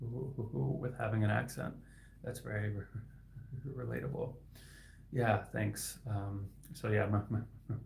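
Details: Adult male speech-language pathologist who stutters; his stuttering is inconsistent, sometimes with words stuck for a few extra seconds; repetitions heard; stuttering.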